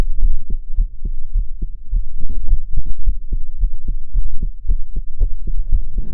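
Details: Own heartbeat recorded while crying: steady, fairly quick low thumps with a faint hum behind them; heart sounds.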